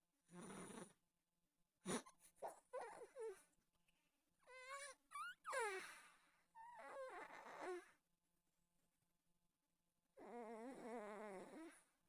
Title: Kevin the IT Cat Snoring